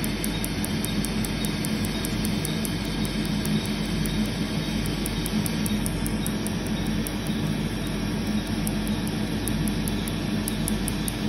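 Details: Laser tattoo removal treatment: steady roar of cooling air with rapid, regular sharp clicks of laser pulses, about three to four a second.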